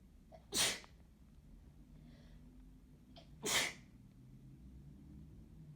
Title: Chhinkni sneezing